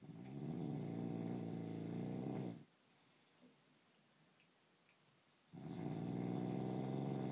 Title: Snoring Husband